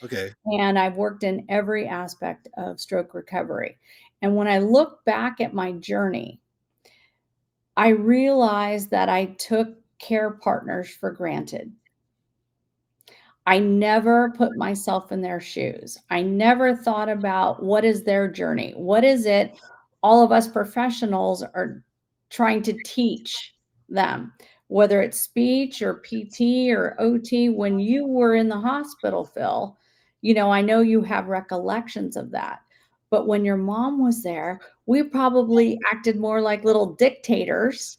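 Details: Adult woman speaking; normal speech.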